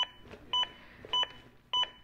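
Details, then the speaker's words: Zoll AED Plus training demo: steady metronome beeps at about 100 a minute restart after pausing for two breaths, synchronized to chest compressions and pacing them to at least 100 per minute per AHA guidelines. "the beeps begin again and are synchronized to my compressions and again speed me up to at least 100 compressions as recommended by the American Heart Association"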